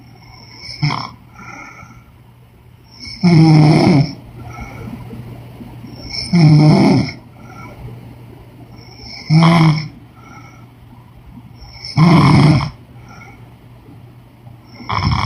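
Loud, harsh snores repeating roughly every three seconds with quieter breathing between: regular snoring.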